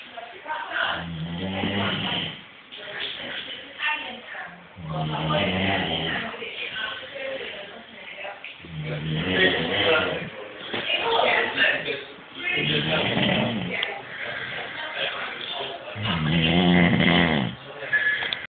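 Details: Adult man at his 40th birthday party snoring loudly and roughly, with quieter breaths between, about 16 a minute, mildly irregular; ordinary snoring.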